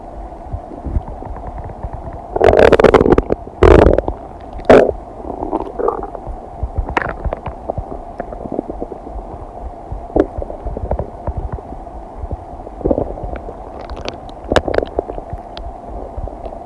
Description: A video edit of sounds of my stomach digesting some kombucha, cheese, and noodles, expanded to last 15 minutes.